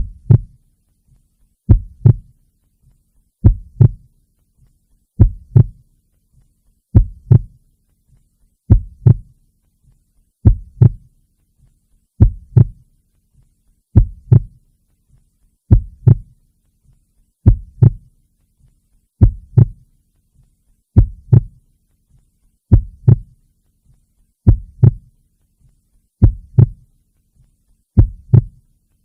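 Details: A slow, steady, regular lub-dub heartbeat at about 34 beats a minute with no background noise: normal heartbeat, from a relaxation recording.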